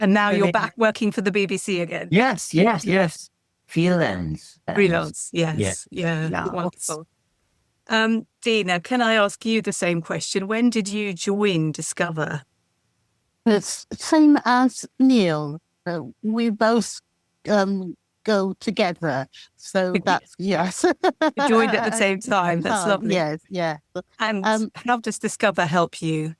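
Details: Adult man with aphasia from a stroke about 17 years ago, with difficult speech and reading unaffected: aphasia.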